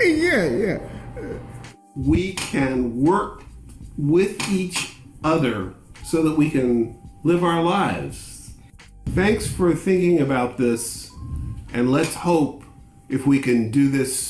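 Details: Aphasia in a Black man who has lived with aphasia for about five years.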